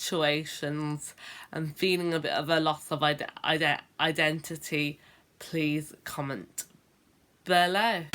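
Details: Adult woman who has stammered since about age 10, a late onset; stuttering (stammering).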